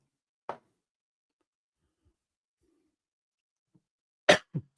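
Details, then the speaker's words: Adult streamer apologising for a persistent dry cough gives a single short cough, then after a pause a sharp double cough; dry bursts with no rattle. "Excuse me. I'm sorry, guys. I still have this stupid dry co"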